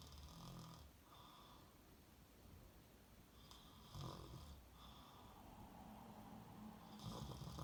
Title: Never known anyone snore 😴 as much